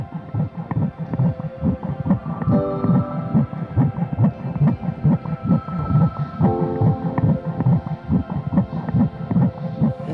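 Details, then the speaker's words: Fetal heartbeat on ultrasound: fast rhythmic whooshing pulses, about 140 per minute, over soft background music. "el momento en que vi ese latido del corazón cambió todo, todo. Esa era la vida y esa era ella."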